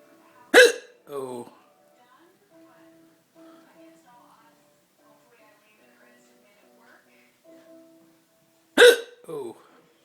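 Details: Person with two broken ribs having persistent hiccups: two sharp, abrupt hiccups about eight seconds apart, each followed by a brief groan, over quiet background music.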